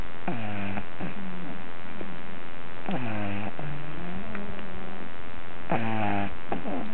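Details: Sleeper snoring like a little piglet: repeated low, droning, tonal breaths with whistly and whining tones; snoring.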